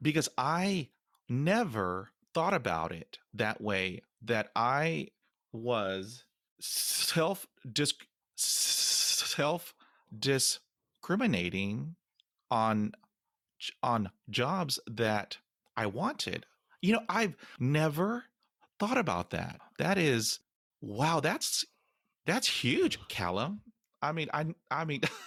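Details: Adult man who has stuttered since age five; stuttering.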